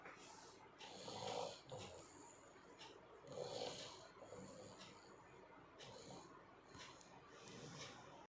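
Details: Beagle puppy snoring during sleep.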